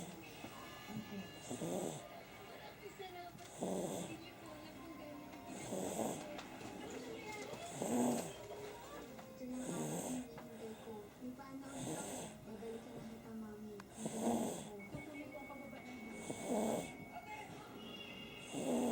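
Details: Baby snoring while asleep: short, regular snoring noises about every two seconds, roughly 28 breaths a minute, over soft background music.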